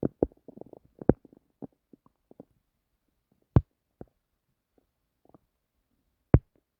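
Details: Irregular gurgles, pops and short squelches with quiet gaps, recorded while trying to sleep; active stomach and bowel sounds (borborygmi).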